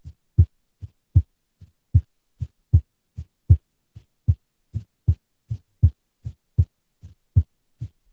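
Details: Female's unstable resting heartbeat, recorded with simple equipment such as a microphone or headphone: low thumps at about 75 a minute with uneven spacing and loudness from beat to beat; irregular heartbeat with abnormal beats.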